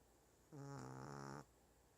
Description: My 1 yr old Shih tzu named Burnt SNORING LOUD.